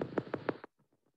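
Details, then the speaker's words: Needle EMG: brief run of repetitive crackly pops on static hiss, then fading faint pulses, waxing and waning; myotonic discharge, patient with suspected myotonic dystrophy features. "because they're all kind of consistent and it stops and starts suddenly so this is the thing you call up your professor and say i heard it because it's not real common"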